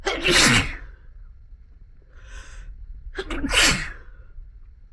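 Two loud explosive sneezes, each with a sharp intake before the burst and a quiet breath between; ordinary sneezes, here deliberately brought on.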